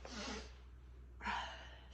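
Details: Stifled sneezes: two sharp, breathy intakes of air with a noisy release, a gasping sound close to a stifled sneeze, in a quiet room.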